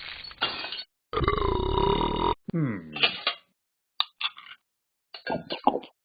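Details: Animated app character Talking Ben the dog, simulated: long, rumbling, voiced belch-like sounds between short vocal noises; burping.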